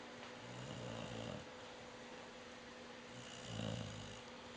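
Two low, buzzing snores about three seconds apart over a steady background hum; ordinary sleep snoring in a dog.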